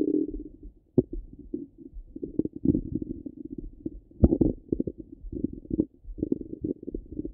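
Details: Stomach rumbling from a half-hour recording: continuous low gurgling and bubbling with irregular bursts and pops, active bowel sounds.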